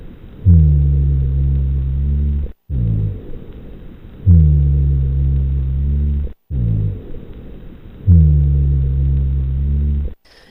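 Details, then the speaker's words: Teaching recording of rhonchi: low-pitched, continuous snore-like sounds, about 16 breaths a minute, heard from the start of inspiration and continuing through expiration; caused by airway secretions and narrowing. "did you notice that you heard it more a little bit on inspiration right like the beginning of the Snore and then expiration is when you heard the uh the rest of the snore it really does sound like a snore doesn't it"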